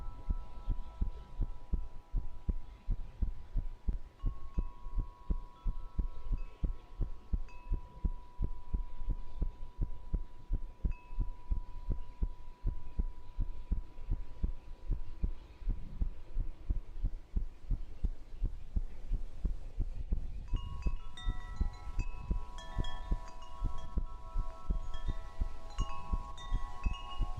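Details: Continuous soft, low heartbeat thumps in a binaural ASMR recording under gentle wind-chime music, with no added sounds standing out.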